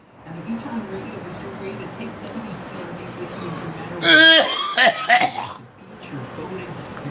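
A short burst of two or three loud coughs over background radio talk.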